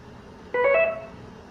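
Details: Intravenous infusion pump normal operating tone: a short electronic sequence of a few rising notes in a quiet room.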